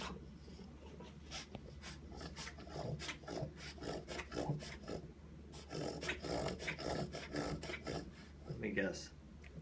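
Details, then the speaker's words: Dog with a reverse sneeze: rapid, repeated, harsh snorting inhalations at about two per second that sound like a pig; reverse sneeze. "A pig. Pig? Is that a pig? It sounded like a pig. It sounded like a pig."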